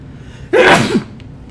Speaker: excuse me that sounds awesome though I sneeze real hard I'm sorry